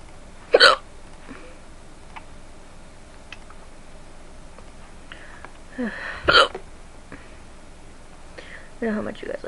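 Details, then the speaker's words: Person with hiccups, talking about them between episodes: sharp, abrupt gulping sounds about every six seconds, with faint breathing between them; hiccups. "hiccups and well I was going to do another lawn minute VCH video but these started happening so I'm like you know what I'll give my hiccup video"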